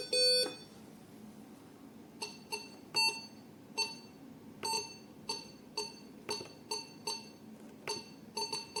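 Repeated short high-pitched electronic beeps at irregular intervals, a patient monitor sounding its tones, in a quiet room.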